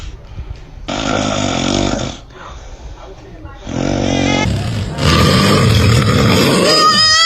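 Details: Dad snoring, with a baby who seems scared reacting to the sound, amid music and laughter. Snoring.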